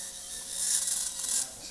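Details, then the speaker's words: High-speed surgical drill with a 3mm neuro bit grinding bone at the C7 lamina–facet junction, with irrigation, during live cervical spine surgery on a woman with multilevel C3–C7 disc herniations, severe stenosis and spinal cord compression. "Kind of like being in the dentist's office, huh? Listening to that drill in your teeth."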